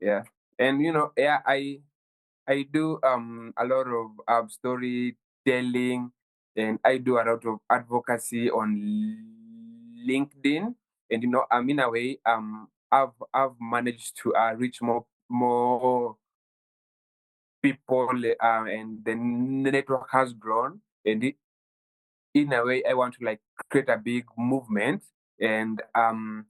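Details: 23-year-old Kenyan man who has stammered since childhood, with the stammer worsening at university; stuttering.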